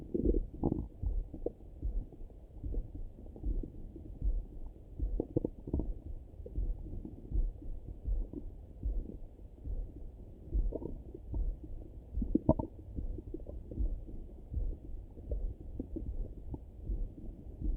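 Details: Person's own morning stomach rumbling through a stethoscope: muffled, irregular gurgles and soft rumbles, ordinary bowel sounds (borborygmi).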